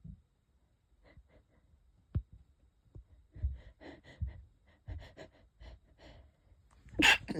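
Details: Light coughs with faintly whistling breaths between and a stifled sneeze, from a person with asthma unsure whether a cold or an asthma flare is starting; mild wheezy cough.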